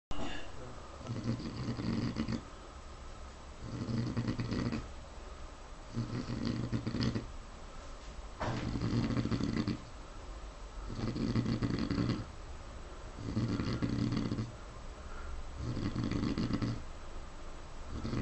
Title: Sayer the pig snoring